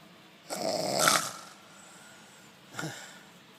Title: Snoring Old Man